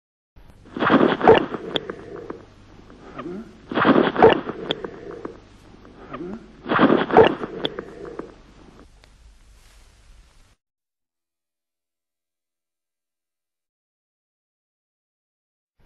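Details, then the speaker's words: Three sloshing, splashing bursts about three seconds apart, then silence: Hippocratic succussion splash, fluid moving against air in a hydropneumothorax. "le bruit de l'épanchement en contact avec l'air dans un hydro pneumothorax est un bruit tout à fait typique"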